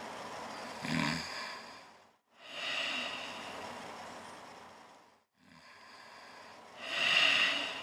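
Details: Adult man asleep in a shared hotel room, noisy rasping sleep breaths about every three seconds, with louder snorting bursts at the start and end; snoring.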